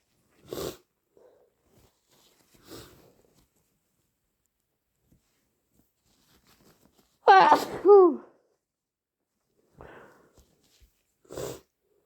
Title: Loud wet sneezes, sniffles and blows! (inducing + allergies??)